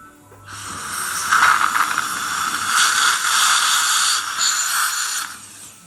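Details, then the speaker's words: Steady rushing air hiss of about five seconds with suction: a dental air syringe blowing excess off palatal tooth surfaces while an assistant aspirates, before curing, during fixed retainer placement. "Just going to blow dry any excess off. Would you just aspirate for me, please? Go."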